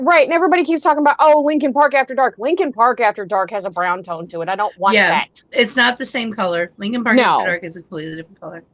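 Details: Adult woman speaking; normal speech.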